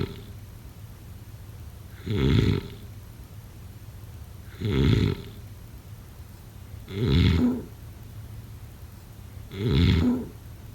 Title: #snoring #snoringasmr #snoringsleepingsoundeffect #snoringsounds